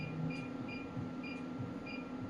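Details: Continuous fan hum with a faint whine and soft periodic electronic ticks: a PEMT (pulsed electromagnetic) loop therapy device running with its cooling fans on, set to 10 Hz.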